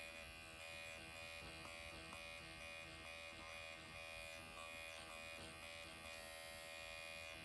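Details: MD Needle Pen microneedling self-treatment around the lips after strong numbing ointment, upward strokes along the lip line: steady high-pitched electric buzzing of the motorized pen running continuously.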